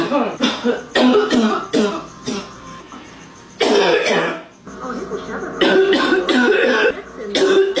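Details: Woman's deep congested smoker's cough: repeated deep, harsh coughs with a barking quality in several bursts with pauses; barking cough.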